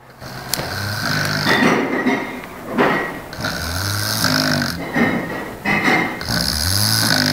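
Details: Adult snoring in deep sleep: loud, rough, fluttering snores in uneven cycles, about five in seven seconds.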